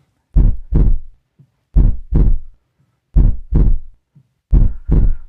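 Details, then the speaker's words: Normal heart sounds: steady paired lub-dub, S1 at the start and S2 at the end of ventricular contraction, about 43 beats a minute. "तो ventricles की contraction के शुरू में लब और and पर dub. लब डप लव डब और यह आवाज कुछ यूं होती है।"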